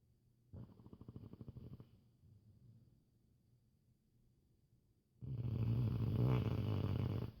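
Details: Sleeping dog snoring: a fluttering snore followed by a louder, rougher snorting breath.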